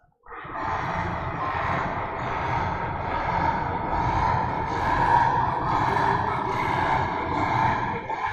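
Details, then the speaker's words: Stertor in a brachycephalic dog with BOAS (brachycephalic obstructive airway syndrome): continuous low-pitched, rough, snoring-like upper airway noise with each breath at about 70 breaths a minute, unlike high-pitched stridor. "Stertor is a low-pitched sound, but still also seen in boas."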